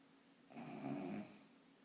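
A single low, rattling snore lasting under a second in a quiet room.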